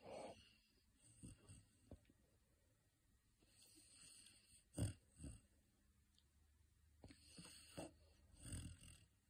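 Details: Sleeping Saint Bernard puppy (female) napping: faint, gentle snores and soft snuffles at irregular intervals; quiet snoring.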